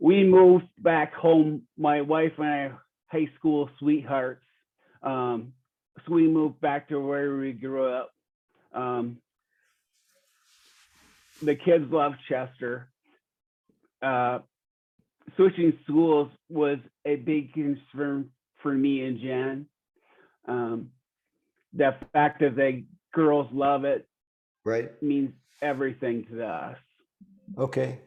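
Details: Real 45-year-old man with rare (under one in a million) primary progressive apraxia of speech; knows the words but they don't come out clearly; speech declining since a previous interview; primary progressive apraxia of speech.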